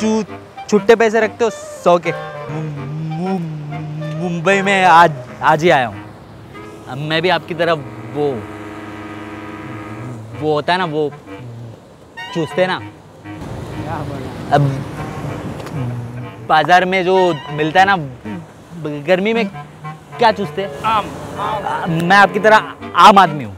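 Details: Acted stuttering with sound and syllable repetitions, deliberately performed by a prankster in a street prank; not a real disorder.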